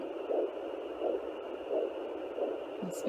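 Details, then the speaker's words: Slow, regular whooshing pulse about 85 to 90 a minute over a hum: the mother's own heartbeat, not the faster fetal heartbeat, on a Sonoline B 3 MHz home pocket fetal Doppler at 10 weeks 6 days of pregnancy. "that's me you see I'm making this very very slight moves and it changes from me to be me"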